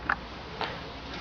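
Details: A couple of quick sharp clicks, then one softer pop, over room noise. It is a gentle chiropractic spinal adjustment of a patient who is told to breathe out, with tense areas felt in the spine: joint cavitation.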